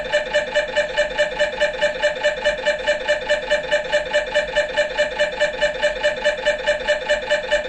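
Rhythmic, regular knocking buzz from an MRI scanner during an imaging sequence, pulsing about 140 times a minute.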